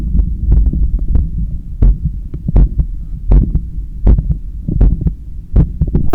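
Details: Steady heartbeat at about 80 beats a minute through a stethoscope held on the chest during bicep curls with a resistance band, with rubbing noise; heart sounds during exercise.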